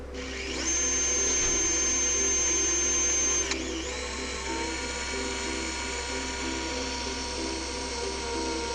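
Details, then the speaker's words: Surgical power drill in an Agili-C knee cartilage implant procedure, driving a laser-marked guide pin through a sizer into the lesion, not at full speed; a high-pitched whine for about three seconds, then a lower steady whir. "try to not do this at full speed to have full control and also to reduce thermic effects of the pin drilling"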